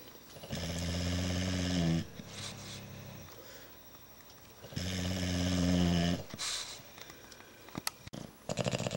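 Loud, low rattling snores from a dog, two long breaths in about nine seconds with quieter breathing between; heavy snoring typical of flat-faced breeds.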